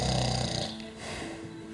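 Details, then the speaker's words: Adult woman's snoring: a single low, rattling inspiratory rumble with a droning tone that trails off. "Вот все слышали на высоте храпа перерыв остановка дыхания опять храпит"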